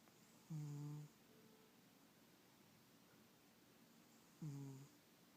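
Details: Cat sleeping: two soft, steady buzzing snores about four seconds apart, roughly 15 breaths a minute, over quiet room noise; gentle snoring.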